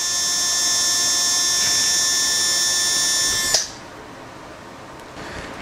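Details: Steady high-pitched whine of an air-driven low-speed dental handpiece motor running about three and a half seconds on a flow meter during an airflow (CFM) test, then stopping, leaving quiet room noise; low-speed dental handpiece motor.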